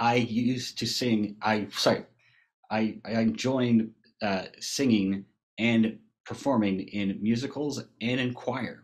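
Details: Man who had a massive stroke from a burst brain aneurysm at age 21 in 2009, causing global aphasia; sings in an aphasia choir; global aphasia.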